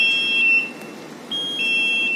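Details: Level 1 Fast Flow rapid infuser sounding an alarm: sharp, high-pitched two-tone beeps repeating with short pauses; infusion device alarm beep.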